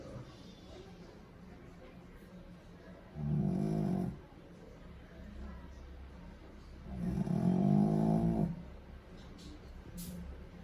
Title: Dog snoring while sleeping